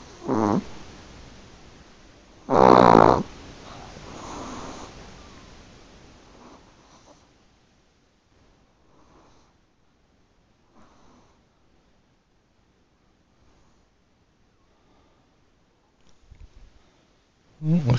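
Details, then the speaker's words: Sleeping Chihuahua: a few loud, rough snorting breaths early on, then soft breathing and near silence; snoring likened to a truck driver's. "like somebody's snoring like a truck driver."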